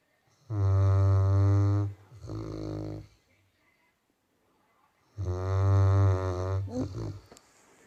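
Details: A Labrador snoring while sleeping, a dog said to snore a lot: two loud, low, rumbling snores on breathing in, each followed by a softer breath out, in a quiet room.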